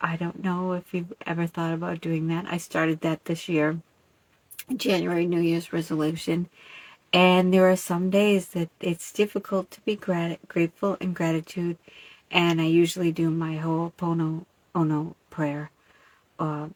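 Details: Adult woman with aphasia after an ischemic cerebellar stroke about 5 years earlier; she initially could not speak or communicate and relearned communication through years of practice; aphasia.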